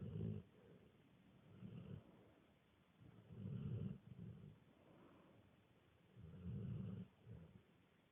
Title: Snoring